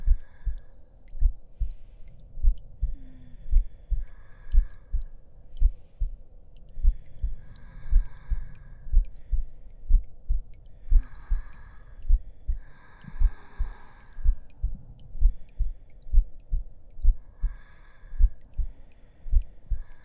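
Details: Heartbeat in an ASMR roleplay audio: steady low thumping at roughly 70 beats a minute under soft whispered voices and faint rustling.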